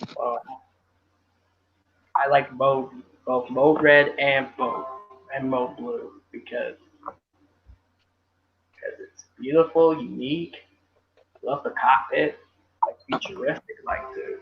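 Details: Adult male speaker; ordinary speech.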